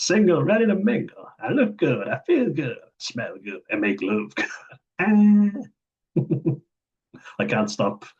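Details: Autistic man repeating remembered lines from an interview that he says he cannot stop repeating: delayed echolalia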